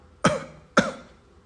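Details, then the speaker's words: Two short, sharp deliberate coughs by an adult demonstrating the word "cough" in an English pronunciation lesson, contrasted with "coffee"; cough. "cough this is a cough and the one you drank the one you drank is coffee coffee"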